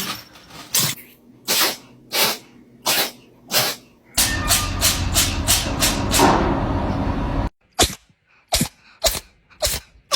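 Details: Several kittens or cats give a series of short, sharp, breathy bursts, with a noisier run of rapid bursts midway; repeated sneezing.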